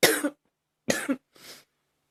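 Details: Three short, dry coughs from a girl, the last softer; a plain acted cough.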